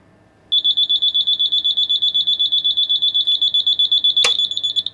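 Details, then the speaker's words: Infant apnoea monitor alarm on a test rig with an under-mattress sensor pad, as a simulator mimics a baby stopping breathing: sudden rapid shrill beeping, about four per second. "once the baby starts breathing again the monitor alarm will pick it up the red apnea alarm will continue to flash to show there's been a sensation of breathing but now it's okay"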